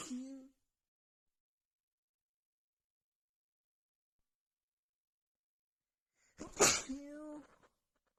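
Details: Nonstop sneezing fit after feeling sneezy all day with a tickling nose: tail of one sneeze, long silence, then another explosive sneeze ending in a voiced cry.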